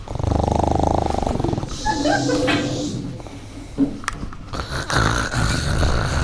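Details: Simulated nursing-assistant training scenario of nocturnal snoring in obstructive sleep apnoea syndrome: a loud, low, rattling snore, then quieter breathing and room noise; acted snoring.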